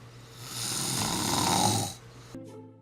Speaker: yep your snoring is putting a damper on things at home and you know it can increase the chance of strokes and heart attacks